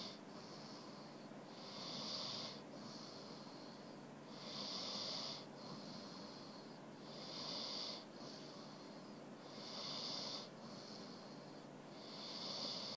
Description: Dex trying to sleep, he snores whether his eyes are open or closed